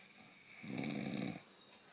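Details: Adult woman (mum) asleep, snoring: a single rough, rattling snore on an in-breath lasting under a second, in a quiet room.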